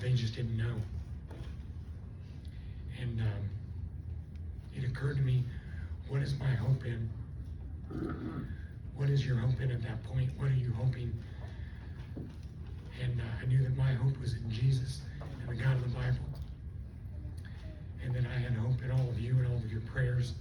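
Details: Adult stroke survivor with left vocal cord paralysis from the stroke, running on one vocal cord; the cords do not seal, so breaths are needed while talking; also lost swallowing function and was on a liquid diet for two months; unilateral vocal cord paralysis dysphonia.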